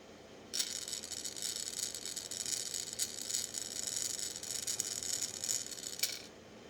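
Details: About six seconds of steady, hissing, rattly airflow as one long breath is drawn through an incentive spirometer by an adult with COVID-19 pneumonia, two weeks after diagnosis, gradually improving from barely reaching 1500.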